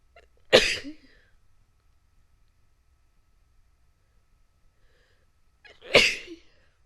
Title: sneezing 1